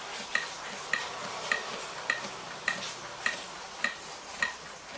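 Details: Regular sharp metronome ticks at about 103 per minute over faint hiss, pacing chest compressions on a Prestan AED Ultra Trainer during a simulated adult CPR cycle after a shock.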